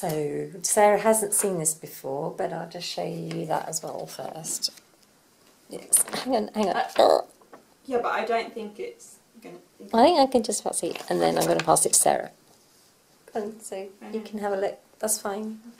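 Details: Adult woman speaking; normal speech.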